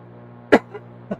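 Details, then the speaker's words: Adult male streamer gives one sharp, explosive cough, which he announces just beforehand, then two softer throat-clearing sounds over a steady engine-like flight-simulator drone. Single cough. "I truly was like, yeah, when you hear that sound, you're like, what the?"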